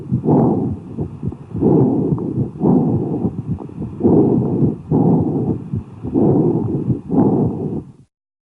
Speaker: here are breath sounds over a cavity in the lung these sounds are also called em forest breath sounds expiration is equal in length to inspiration but lower in pitch there is a pause between inspiration and expiration and the heart tones are audible